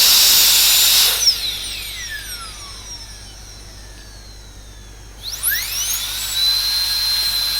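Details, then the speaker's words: High-pitched whine of a dental drill that winds down, pauses, then restarts while a straight fissure bur smooths the margins of a front-tooth composite cavity before a labial bevel. "So we'll first smoothen the margins here. I'm using a straight fissure."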